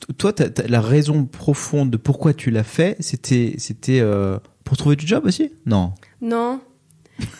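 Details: Adult man, conversational French; normal speech.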